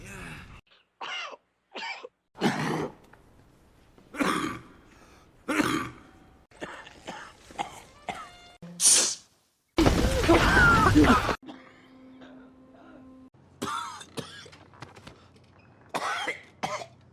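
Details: Supercut of acted coughs and sneezes from films: a string of varied coughs and throat clearings with brief music and noise between them.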